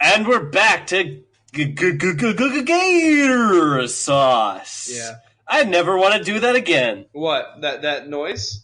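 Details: Dysfluent speech in a man with cerebral palsy; he says he does not actually stutter.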